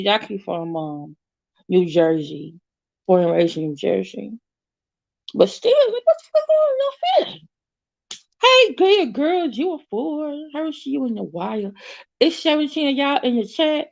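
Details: Woman with an overbite who recently got braces and a tongue crib ("tongue tamer") that stops her tongue pushing against her teeth; she calls it her current speech impediment; lisp-like speech from orthodontic tongue crib.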